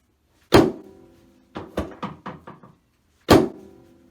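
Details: Sharp loud thud, then five quick smaller pops, then another thud during a chiropractic spinal adjustment of an adult male former decathlete entertainer with right leg pain after knee surgery: joint cavitation.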